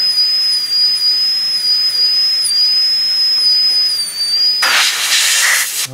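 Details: High-speed dental handpiece with a steady piercing whine, airy hiss and a burst of spray, cutting tooth #18 on a typodont during an MOD ceramic onlay preparation.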